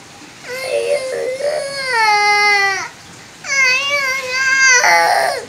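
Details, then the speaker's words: Infant refusing to nap at midday while being put to sleep: sustained, high-pitched wails with short breaks, a typical fussing cry. "Gusto mong ibigay kita sa matanda ha iyak ka ng iyak Bakit iiyak pinapatulog ka lang ah"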